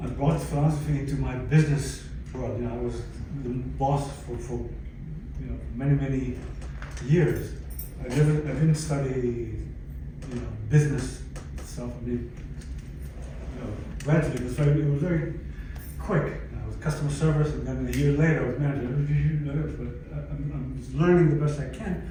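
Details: Adult stroke survivor with post-stroke aphasia, speaking in conversation; finding: aphasia.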